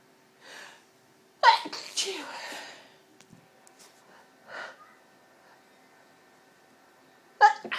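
Two loud explosive sneezes, each after a sharp intake of breath, with quiet breathing and faint vocal sounds between. Repeated sneezing from irritant inhalation.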